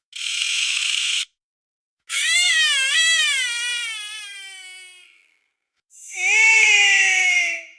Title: Baby Cries Sound Effect